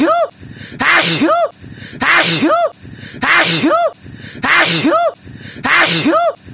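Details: Sharp sneezes with rising voiced intake and burst, repeating about every 1.2 seconds in identical pattern, likely a looped sneeze; sneeze.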